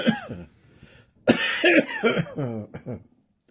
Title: Slightly phlegmy thickly throat cough